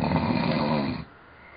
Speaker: oh man I feel like I feel like I would wake myself up if it got this loud yeah